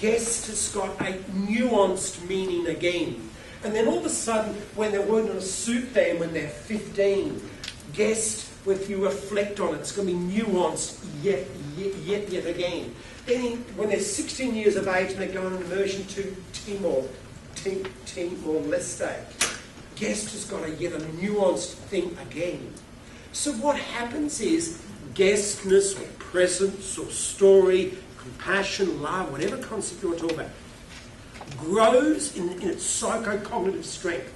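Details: Adult male keynote speaker with a self-reported stutter who finds microphones scary, speaking at a conference; stuttering.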